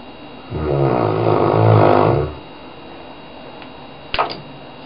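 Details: Very loud snoring from a sleeping dog at about 11 am.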